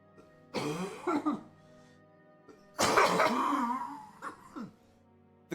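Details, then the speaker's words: Adult man coughing while talking during a video game livestream: two harsh coughing bouts, the second longer and raspy, over steady game music. "The coughing sounds worse than it is, too. It's just the sound of my lungs trying to crawl their way out of my chest."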